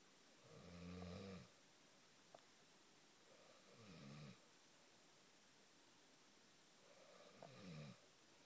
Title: The snore strikes again